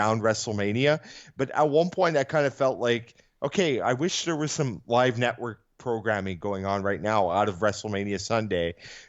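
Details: Adult male speaker; normal voice.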